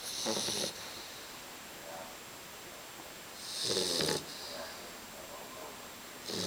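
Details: Bulldog puppy about 3 months old snoring in sleep: two loud, raspy snorting snores several seconds apart with quieter breathing between. The snoring has worsened by 5 months and is heard through walls.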